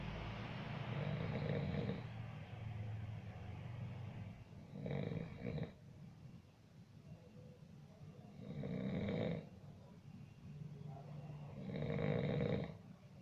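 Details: Recording of a sleeping person snoring: repeated low, rattling snores with a hissing breath out between them, about four breath cycles.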